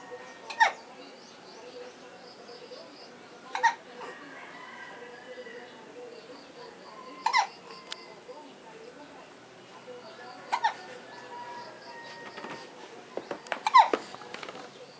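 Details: Infant's first hiccups, with mother nearby: five sharp, brief hiccups about every three seconds over quiet room noise; ordinary infant hiccups.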